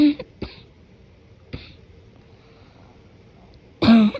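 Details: Morning productive cough, partly suppressed to avoid waking someone sleeping: several muffled coughs with a loose, congested quality, then a louder wet cough at the end.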